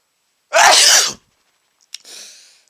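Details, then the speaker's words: Sneeze after sniffing chhinkni (snuff) into the nose, among many repeated sneezes with watering eyes: one loud hissing sneeze burst, then a sharp sniff and softer exhaled breath. "just sneezed again oh I got a whole bunch of [ __ ] in my nose and it's really making me sneeze oh that was gigantic"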